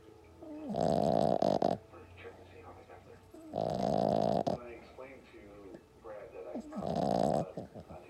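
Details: Sleeping French bulldog puppy snoring: loud rhythmic rattling snores about every three seconds with quieter snuffling between; flat-faced dog snoring.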